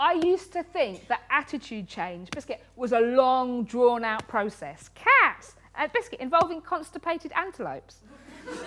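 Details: Woman with Tourette syndrome, including coprolalia, with involuntary vocal tics such as 'biscuit' up to 16,000 times a day, ticcing while giving a lecture; Tourette syndrome vocal tics.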